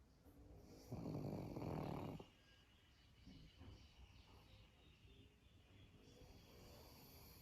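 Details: Pug dog sleeping: one loud rattling snore, then quieter snuffling breaths. Snoring.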